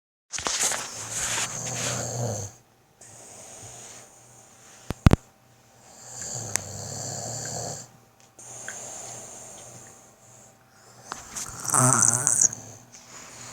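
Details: Adult father asleep, recorded snoring loudly: rough snores on each breath in, quieter breaths out, brief clatter of room noise in between; snoring.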